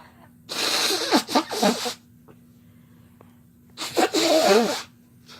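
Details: Two loud sneezes a few seconds apart, each a sharp burst after a short inbreath, from a male and a female adult sneezing together in a small room.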